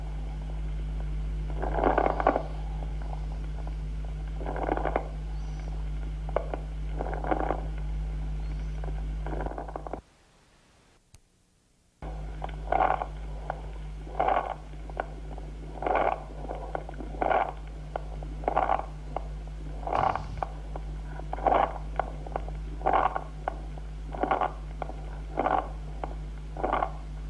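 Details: Cavernous rales.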